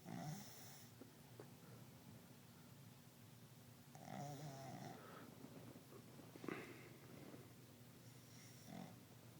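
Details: A dog dozing while sitting upright on a couch, snoring: repeated rough, snorting snores about 2 seconds apart, some with a faint whistle.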